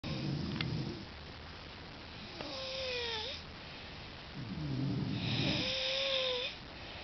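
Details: The uploader snoring: a harsh, rattling snore on each in-breath, then a high, falling whistle on each out-breath, over two breath cycles.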